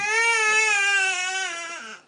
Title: Baby scared by dad snoring.!